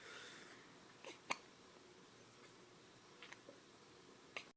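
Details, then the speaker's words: A baby hiccups in short, sharp bursts, about three in under five seconds, with his whole little belly moving, in a quiet room; hiccups. "should I get the hiccups lot mhm get the hiccups his whole little belly moves too"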